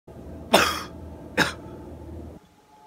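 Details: Two sharp, dry cough bursts about a second apart over a steady low hum, from a person who says they are sick; cough.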